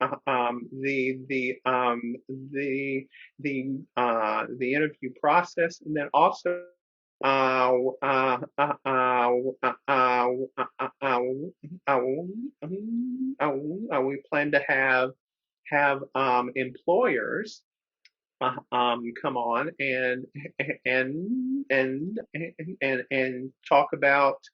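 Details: Adult who stutters, speaking in a webinar with long pauses and repetitions; states stuttering is a documented disability. Finding: stuttering.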